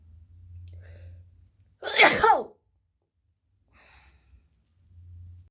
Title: Wet Sneezes, Wide Nose Africa.